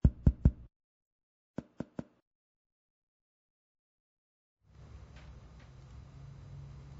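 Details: Percussion along the scapular line of the back during a held deep breath and then a held exhalation, marking where resonance changes to dullness: two quick sets of three taps. Diaphragmatic excursion check; the normal excursion is 3–6 cm.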